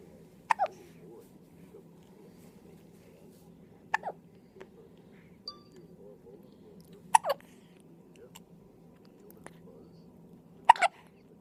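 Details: Newborn in hospital, first hiccups: four sharp, short hiccups roughly every three seconds over quiet room hum.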